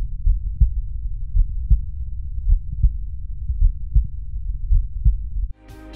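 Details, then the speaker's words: Young healthy subject, chest leaning slightly forward, holding breath in expiration after deep breaths, stethoscope at the mitral focus: low, regular lub-dub near 54 a minute, no murmur, brief music after; normal heart sounds without an aortic murmur. "al tratarse de un paciente joven y sano no se observan soplos aórticos en la ocultación"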